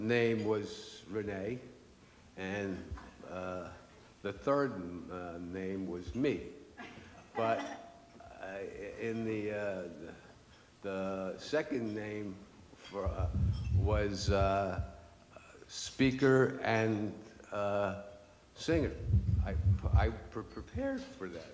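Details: Adult man with aphasia after a stroke 10 years earlier, which he says made him lose his voice; had two and a half years of speech therapy; aphasia.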